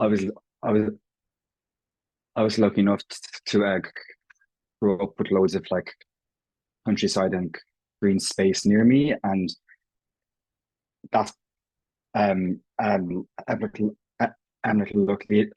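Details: Irish adult man who has stammered since he can remember, self-identifying prolongations, repetitions and blocks; real, not acted: stuttering (stammering).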